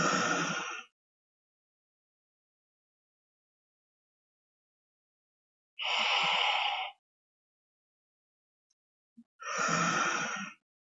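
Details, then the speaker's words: Demonstration of the breath-holding technique with a metered-dose inhaler and spacer: after one puff into the spacer, three slow deep breaths are taken through it, each followed by several seconds of silent breath-hold, exhaling via the nose. "exhale via your nose the drug which I have pressed is already in the spacer and now let me demonstrate how it is done repeat this about 3 to four times if your doctor advis two Puffs"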